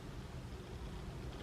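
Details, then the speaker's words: Loud low continuous rumbling stomach gurgle (borborygmi) after drinking a keto shake with MCT oil, possibly too much MCT oil. "this is gonna be a bad day it is rumbling and making all kinds of crazy noises"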